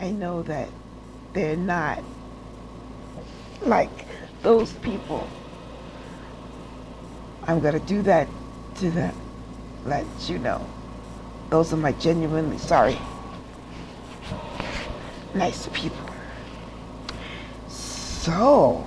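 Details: Adult woman with aphasia after a stroke, in rehab after hospital stays, relearning to walk and still taking speech classes; aphasia after stroke.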